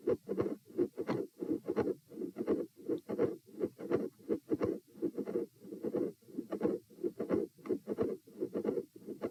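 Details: Heart auscultation at position E during a posture stress test (lying, sitting, standing, lying): regular heartbeat near 85 a minute with a midsystolic click, rough midsystolic murmur and split second sound.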